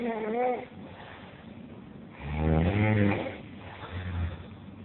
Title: Ngorok terbaik ( The best snoring )